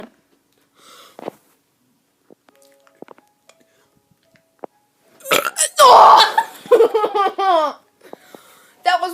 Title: Kid doing burps 2!!!